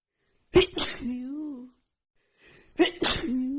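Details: Nonstop rapid sneezing fit from a female with a cold, triggered by sniffing a tiny bit of black pepper: sharp sneeze bursts, each followed by a short voiced gasp, barely breathing between; sneezing fit.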